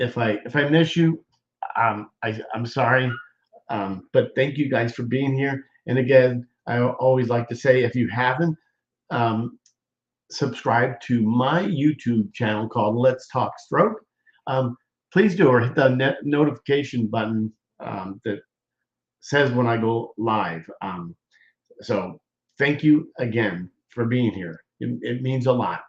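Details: Aphasia after stroke in an adult male survivor in speech therapy, with repeated words, hesitations and a word substitution.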